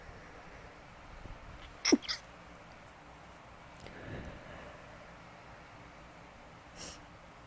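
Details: A person sneezing, possibly from allergies (unsure), after sneezing twice before recording; sneeze.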